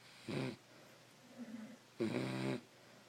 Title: Snoring Beagles